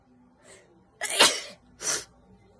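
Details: Allergy sneezes: a soft inward breath followed by two forceful sneezes.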